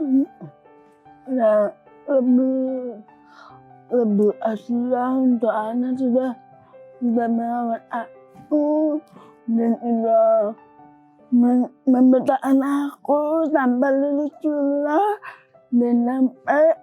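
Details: Dysarthria in a young woman with cerebral palsy present since birth; she could not speak at first and speech improved after therapy.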